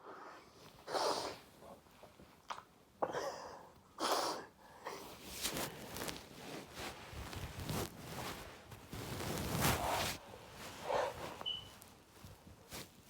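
Several loud, forceful sneezes with sharp bursts of air and short pauses between them.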